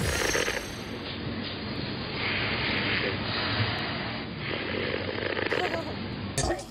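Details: Snoring during sleep in a Korean TV segment on snoring myths: repeated harsh, rattling breaths with a rough buzzing tone, about three in six seconds, over faint background noise.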